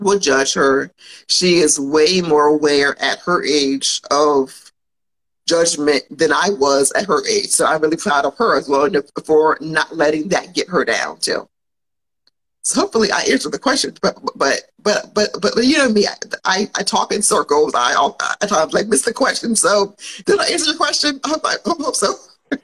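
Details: Adult woman who has stuttered since childhood and still stutters, mildly enough that many listeners would not notice; real, spontaneous speech during a podcast recording; stuttering.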